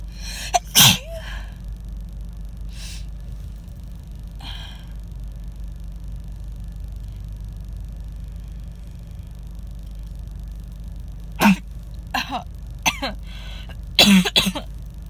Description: I can’t shake this cold. It’s moving to my chest so these sneezes are really harsh and honestly they kind of hurt my throat. I tried to stifle them but that obviously didn’t work.